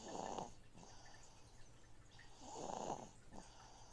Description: Please enjoy my snoring baby while a noisy fishtank filter cycles water in the background :-)